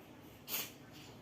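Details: A sick cat, said to have a cough and cold from lack of rest, gives a single short, sharp, hissy snort or sneeze, suggesting an upper respiratory infection.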